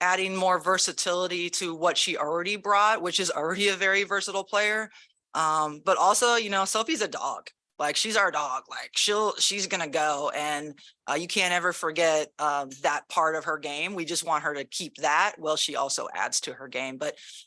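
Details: Adult woman speaking; Normal speech.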